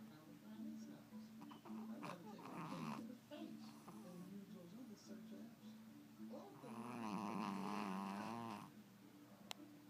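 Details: Chihuahua snoring in sleep: rough, rattling breathing, louder on some breaths and as loud as some humans, with faint room noise. Owner suspects a touch of sleep apnea.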